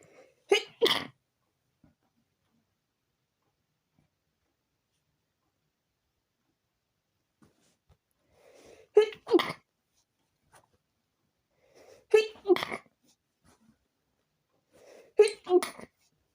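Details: Late-night sneezing before bed with a very tickly, itchy nose: four separate episodes, each a quick double sneeze with a brief indrawn breath before, separated by quiet; repeated sneezing.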